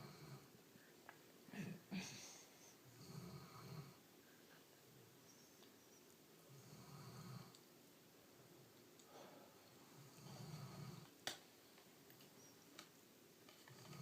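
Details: Dog named Ava snoring: soft, low, irregular snoring with breathy rumbles at intervals over quiet room noise.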